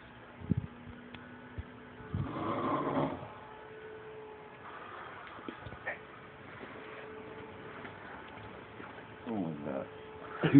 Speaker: I'm recording you and they snoring dude yall see this video